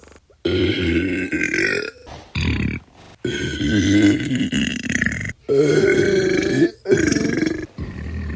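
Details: Sound-effect compilation: series of long, loud, rumbling throaty belches in quick succession; repeated burping.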